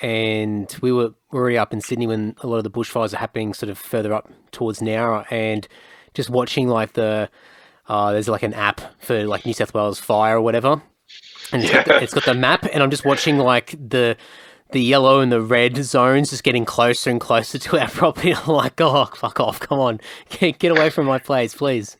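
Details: Adult man speaking; normal speech.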